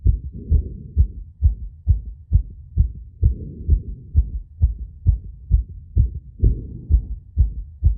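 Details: Phonocardiogram of own heart after intense squat exercise: fast, mostly regular beats near 130 per minute with soft rushing noise between beats; exercise-induced tachycardia.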